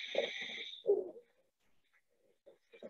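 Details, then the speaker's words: Lung auscultation in a patient with muscle wasting, in a restrictive versus obstructive lung disease case: high whistling inspiratory and expiratory wheezes over breath noise, then brief rough bursts like crackles. "yeah so we hear a little bit of wheezing and what we call that is both inspiratory so when the patient breathes in and expiratory wheezes when the patient breathes out"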